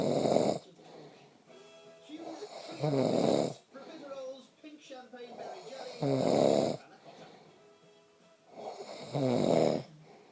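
Loud rough snores recur about every three seconds, with softer noises and faint background music between them: snoring.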